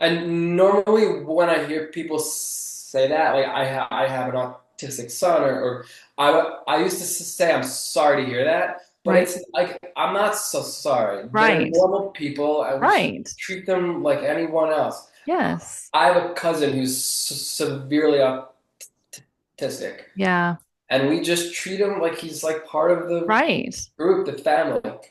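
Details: Adult male author who grew up with a stutter, a lifelong developmental stutter that is still audible in his speech; stuttering.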